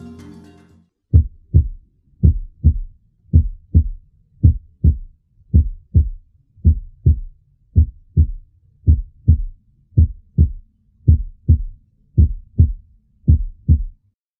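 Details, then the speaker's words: Simulated normal heart sounds with a phonocardiogram: regular paired first and second sounds at about 55 a minute, separated by silent systolic and diastolic gaps. "Agora eu vou sugerir para que vocês coloquem um fone de ouvido para que vocês possam escutar a representação sonora da primeira e da segunda bulha ao mesmo tempo que vocês olham aqui no fonocardiograma."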